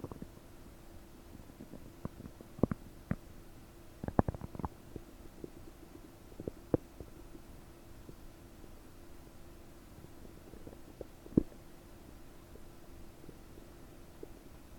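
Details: Scattered bubbly pops and gurgles over a steady low hum, busiest early: loud bowel sounds (borborygmi) in a bloated belly about 9 hours after eating 30 prunes, recorded with a desktop microphone.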